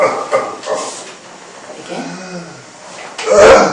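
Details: Manually assisted cough with mechanical insufflation-exsufflation via mouthpiece in a man with high spinal cord injury and no contraindications to chest or abdominal compression.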